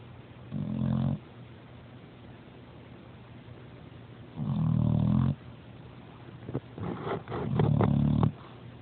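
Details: Loud, low, rumbling snores from a sleeping dog, about one every three to four seconds; ordinary snoring.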